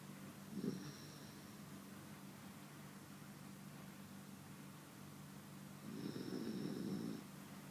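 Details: Snoring attributed to a cat; snoring.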